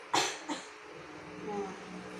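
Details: Two short, forceful coughs followed by quiet breathing from a woman. This is a nursing practice demonstration of deep breathing and effective cough to clear sputum.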